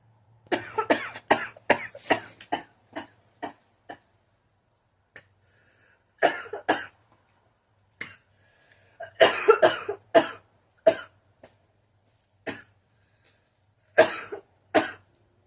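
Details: Adult woman, self-described pot amateur, coughing after smoking legal cannabis: repeated bouts of sharp, harsh coughing, about twenty coughs in clusters; coughing fit after smoking.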